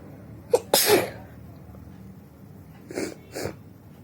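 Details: Woman deliberately provoking sneezes with a handkerchief, eyes watering: one forceful sneeze with a short catch just before it, then two soft breathy sniffs.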